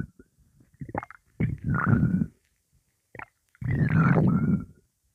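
Low gurgling, rumbling bursts in two longer runs with a few short squelches; ordinary stomach gurgling as fluid moves through the gut.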